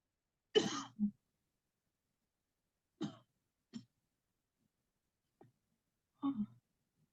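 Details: Several short, deliberate coughs and throat-clearing sounds in a quiet room, done on purpose after guided deep-breathing rounds in a long-distance "cleansing-healing" coughing technique session to clear the airway; voluntary cough.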